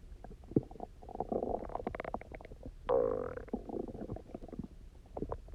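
Loud, gurgling, squeaky stomach rumbling in bursts, with one long tonal growl. Normal hunger bowel sounds after fasting.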